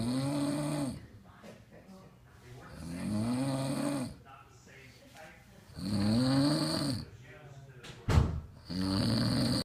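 Loud, rough snores with each breath in, about every three seconds, with quiet pauses between.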